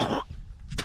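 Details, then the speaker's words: Adult coughing and clearing the throat after inhaling a bug while filming outdoors; voice hoarse, drinking water hasn't helped, still tickling: a short forceful cough burst with a second brief burst at the end. "i've been coughing and drinking water but it's still down there somewhere tickling around"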